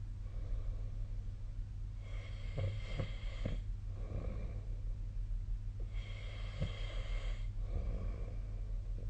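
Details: Snoring recorded with a snore-tracking app: two rough, buzzy inhaled snores, each followed by a softer breathy exhale, about 15 breaths a minute over a steady low hum.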